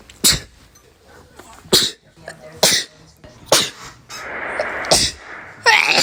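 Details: Six sharp, explosive sneezes in quick succession over six seconds, some with a breathy lead-in, from a minute-long sneezing sequence; repeated sneezing.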